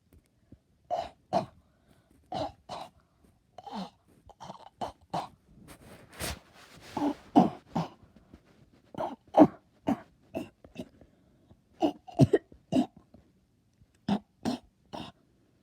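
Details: Voluntary, performed coughing rather than illness: about twenty short, deliberate dry coughs.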